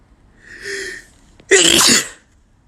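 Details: Male, really strong sneeze: a short wind-up inhalation, then one loud, explosive, hissing sneeze burst.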